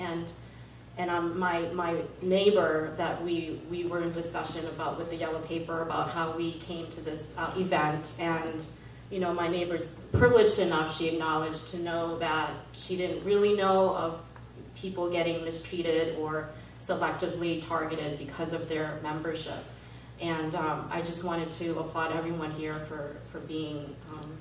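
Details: Adult woman speaking; normal voice.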